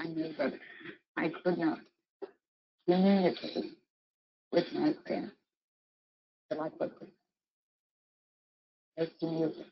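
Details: Woman with an open tracheostomy tube, cuff deflated and no speaking valve, short of breath because air escapes through the tube, managing only one or two words or a syllable at a time; breath-limited voice with open tracheostomy (no speaking valve).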